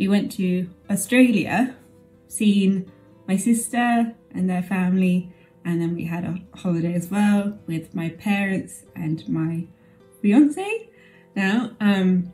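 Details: Adult woman with aphasia 11 years after a stroke; aphasia.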